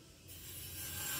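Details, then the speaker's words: An Omron automatic blood pressure monitor starts its pump, a brief buzzing that builds as the cuff begins inflating, while a Kospet Tank S1 smartwatch measures at the same time. "Okay, it's now checking our blood pressure. Let's see. So our Kospet Tank S1 is measuring, as well as the Omron."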